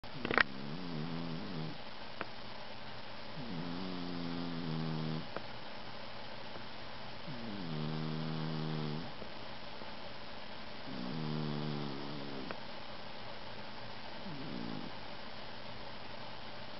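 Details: Cat fast asleep, snoring: soft, low buzzing snores recurring every three to four seconds, about 16 a minute, with quiet breathing between.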